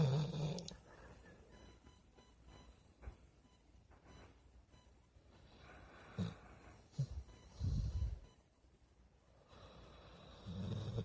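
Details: Low, rough, irregular snoring snorts with quiet gaps between breaths from a sleeping pet dog; ordinary snoring.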